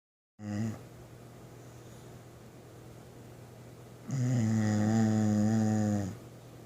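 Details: Dog sleeping at rest, described as old-man snores: a brief low snort, then a long, loud, buzzing drone on a single breath; snoring.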